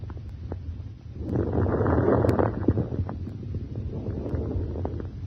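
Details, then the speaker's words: Fine crackles through a stethoscope in a respiratory assessment demonstration: brief, high-pitched, discontinuous crackling clicks during inspiration. "for example you may hear crackles during inspiration these discontinuous sounds may be high-pitched fine crackles"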